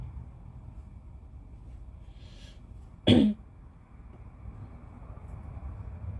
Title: Snotty nose-blowing and wet, phlegmy coughs🤧😫💦